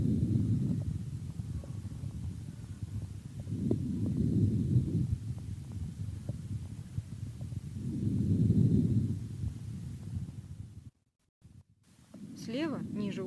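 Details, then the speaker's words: Patient with left-sided exudative pleurisy, auscultation below the right scapula: soft, low rustling breaths rising and fading in slow cycles, normal vesicular breathing. "справа недуга лопатки выслушивается нормальное везикулярное дыхание"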